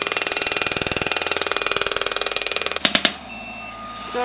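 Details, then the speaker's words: Rapid, regular sharp clicking at about three per second, then a few louder clicks and a tone, from a shock wave therapy (ESWT) device. It is treating cellulite on the thigh over ultrasound gel with tip 5, preset to 2500 impacts at 10 Hz and 100 mJ, which is painless. "so it's preset at 2500 impacts 10 hertz with 100 mj it doesn't hurt at all"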